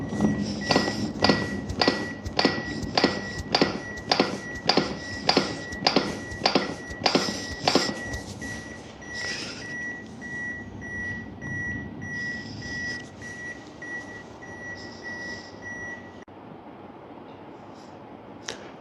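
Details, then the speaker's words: AED training demonstration: the AED gives regular metronome beeps at about 100–110 a minute to pace CPR chest compressions, then the beeps stop and a steady tone continues. "After you deliver the shock, follow the AD beeping sound and do the CPR."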